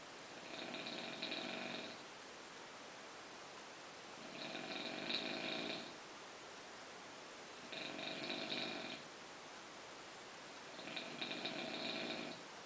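Four soft, buzzing snores about every three seconds, roughly 18 breaths a minute, over steady background hiss; ordinary nasal snoring in sleep.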